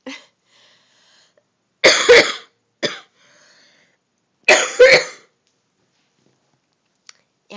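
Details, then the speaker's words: About five short, harsh, explosive coughs, mostly in quick pairs, from a person who is sick at home and says their coughs almost sound like sneezes; acute cough in a quiet room. "I know I sound like I'm dying don't I now my coughs almost sound like sneezes sometimes"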